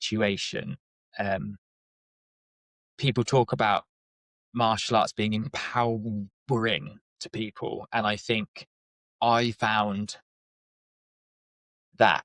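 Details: Adult man with a lifelong speech stammer, showing as blocks and repetitions, which he describes as not too severe; stuttering.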